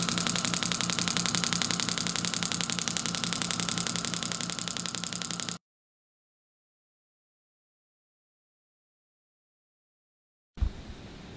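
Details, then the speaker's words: Storz MP 200 radial shockwave therapy device (separate compressor, up to 5 bar and 21 Hz) treating plantar fasciitis of the foot: rapid, evenly spaced sharp tapping pulses, about 220 a minute, then silence and a brief thud. "a shockwave therapy machine the MP 200 uses a separate air compressor which allows us to reach a power of five bars and 21 Hertz which makes all the di"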